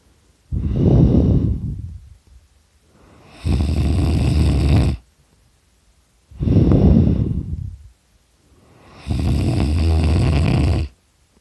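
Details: Person snoring very loudly during a nap: loud rattling snores alternating with long harsh breaths, about eleven breath cycles a minute, in a quiet room; heavy snoring.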